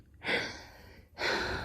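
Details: A person trying to stifle a strong sneeze makes two sharp, audible gasping inhalations in quick succession, the catch of breath before a sneeze.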